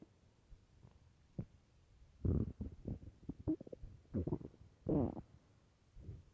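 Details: Loud, low gurgling and rumbling stomach growls in irregular bursts from a hungry, empty stomach; borborygmi.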